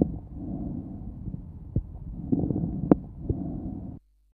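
Harsh, hollow tubular breath sound over the lung periphery, with scattered brief crackles during inspiration: bronchial breathing.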